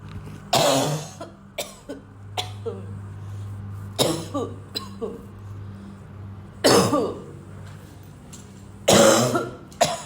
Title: coughing for days